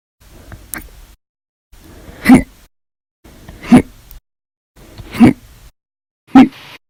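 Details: Run of hiccups after a meal, described as violent, loud, silent and minute: five sharp, abrupt gulping catches at the throat repeating roughly every one and a half seconds.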